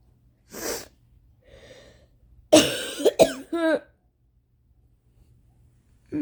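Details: Extremely violent coughing fit at 4:30 AM, which the person blames on allergies worsened by rain: harsh, forceful, mostly uncovered coughs with a sharp intake and a strained, gagging edge, separated by quiet gaps.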